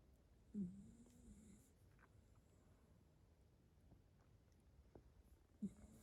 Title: Sausage Dog Snores